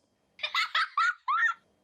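Four quick, bright giggle bursts from an infant with full crisp detail: ordinary baby laughter as heard with normal hearing.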